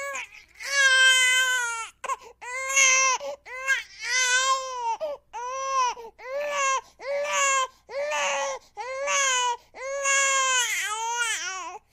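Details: Infant crying from a sound-effect recording: repeated loud, rhythmic wailing cries with brief breaths between them.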